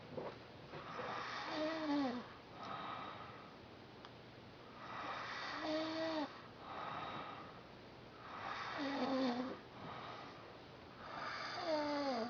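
Rhythmic rattling snores with a whistling, wheezy edge on each breath in, about 20 breaths a minute.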